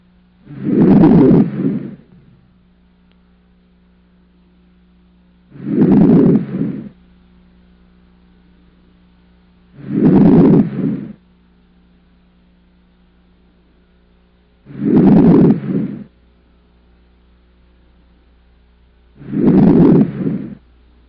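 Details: Normal vesicular breath sounds on posterior chest auscultation with stethoscope diaphragm, patient breathing deeply through the mouth: five slow, deep breaths, soft rushing sounds without added noises.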